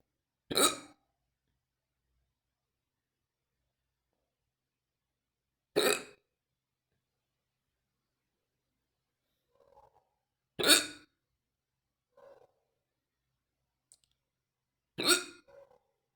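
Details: Fast, deep hiccups described as painful: four sharp, loud hiccups about every five seconds, with faint soft sounds between them, in a quiet room; hiccups.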